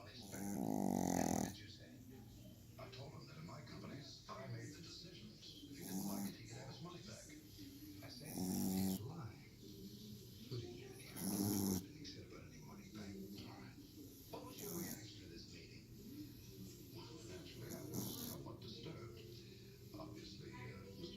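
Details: Sleeping dog snoring: snuffling snores with several louder rasping snorts and quieter breathing noise in between; ordinary snoring.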